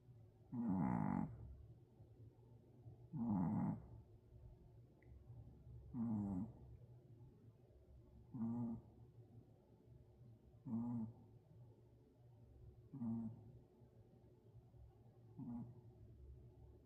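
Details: Tired Pomeranian puppy snoring while asleep: regular snores, about seven in seventeen seconds, each a rough, vibrating breath. This is ordinary snoring.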